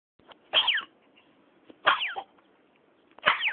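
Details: Three short, high-pitched coughs about a second apart, each followed by a brief whimpering cry; an infant (baby) coughing.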